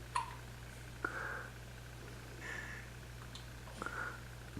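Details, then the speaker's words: Dog relaxing on a couch with soft, abrupt gulping hiccups about once a second over steady room hum. "okay here's betting Andrea relaxing on the couch listen close a little Bethany's got the hiccups which we find quite funny actually"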